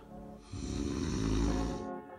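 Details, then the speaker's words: Loud, low, rattling snore on the in-breath with background music, recorded from the speaker's own sleep; relaxed throat, tongue and jaw narrowing the airway so soft tissue vibrates; possible obstructive sleep apnea raised; snoring. "when you sleep your throat tongue and jaw all relax this can narrow your throats airway then when you breathe in all the soft tissue around your throat vibrates causing that awful snoring sound"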